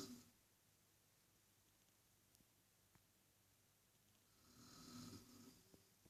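A sleeping adult snores: a rough, rattling inhalation after a quiet pause, in a small, hushed room.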